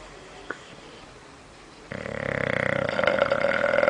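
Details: Bulldog snoring in the living room: a quiet start, then one loud, rough, fluttering snore building over about two seconds; snoring.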